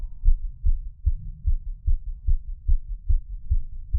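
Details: Steady, regular low thumps at roughly 145 per minute with faint hum: a fast heartbeat picked up by a body-worn microphone, audio boosted.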